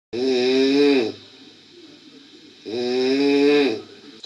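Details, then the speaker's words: Adult woman asleep on a TV show set, heard by others mid-conversation: two loud, drawn-out, rumbling snores about a second each, separated by quiet breathing pauses; heavy snoring. "we're all sitting here having a conversation all of a sudden we're like what wait what is that is that snoring yeah you're winding me"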